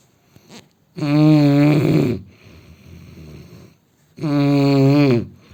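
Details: Adult Indian man sleeping: two loud, buzzing, rattling inhaled snores about three seconds apart, with softer breathing out between them; snoring.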